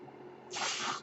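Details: Speaker's own mechanical ventilator heard while he talks on a podcast: quiet room tone, then a sudden airy hiss for about half a second as the ventilator pushes air to deliver a breath.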